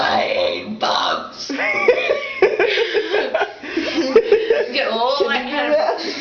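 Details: Female deliberately burping: drawn-out, gurgling belches run together with voiced, talk-like sounds against room noise; a long, deliberate burp.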